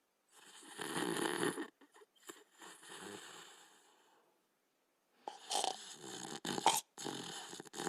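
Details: Border Collie and Australian Shepherd sleeping, noisy snorting breaths with uneven bursts and pauses; ordinary snoring.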